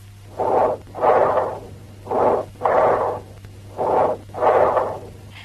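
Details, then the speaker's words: Teaching recording of bronchial breath sounds: a blowing, harsh, high-pitched, prolonged expiration with a pause between inspiration and expiration, as heard over consolidated lung where vesicular sounds are normally heard. "Listen to the bronchial breath sounds, which have a blowing quality, a harsh, high-pitched and prolonged expiratory"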